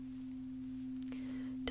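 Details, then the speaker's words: Steady, pure low hum of a struck tuning fork during a hearing test in a role-play cranial nerve exam, ending with soft handling noise; tuning fork tone. "i'm going to do a test for the tuning fork so i'm going to create a sound please tell me when you don't hear the sound anymore"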